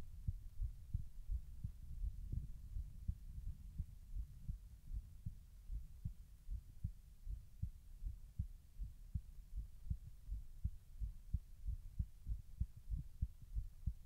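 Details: Normal heart sounds recorded while the person tries to slow their heart rate: steady low double thumps at about 90 beats a minute.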